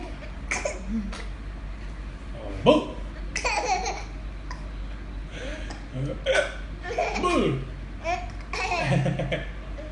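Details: Infant boy laughing and giggling while he has hiccups: short, abrupt hiccup catches mixed with giggles and laughter, adult voices nearby; hiccups.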